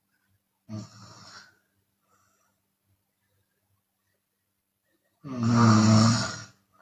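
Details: Chinese woman snoring with open mouth, sometimes on the exhale: a short snore, a long silent pause, then a loud, harsh snore; open-mouth snoring during sleep.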